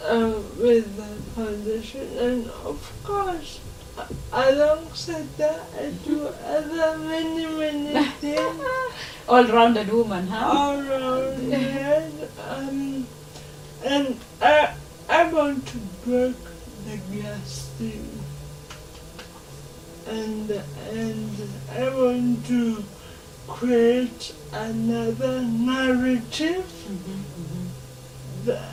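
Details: Dysarthria in a 26-year-old woman who has lived all her life with cerebral palsy and says she learned to talk much later than other children.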